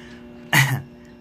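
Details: Single short, harsh throat clear over quiet room hum from someone sick with a head cold, blocked nose and one ear unable to hear.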